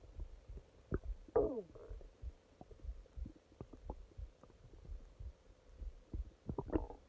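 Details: Long stomach growling at night (part 1): irregular low gurgles and rumbles with a few longer squeaky gurgles; stomach growling (borborygmi).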